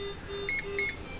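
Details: High-flow nasal cannula heated humidifier, press-and-hold switching from invasive (37°) to non-invasive (31°) mode, set up without water or temperature probe: short electronic beeps over a quiet tone.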